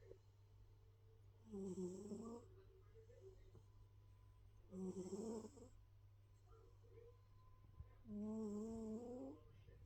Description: Our big boy cat, Jez Bear, sound asleep and snoring, Happy puss.